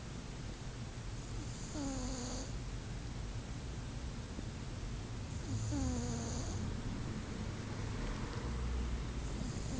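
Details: Sleeping cat snoring: slow, gentle snores with a soft squeaky whistle on each breath, about four seconds apart, over steady room hum.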